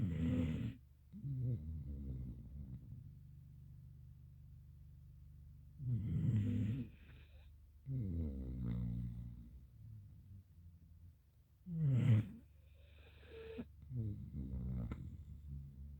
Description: More Snoring from my Gampr Dog, her name is Pretty.